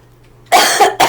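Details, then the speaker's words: Adult man coughing during a podcast conversation while getting over a cold; cough. "Sorry, I keep coughing. I'm getting over this cold."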